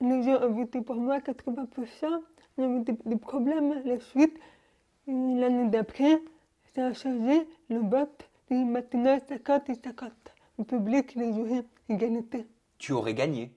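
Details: Young adult woman, deaf from birth, wearing hearing aids since birth and speaking orally with lip-reading, recently fitted with new hearing aids; speech of a person deaf since birth.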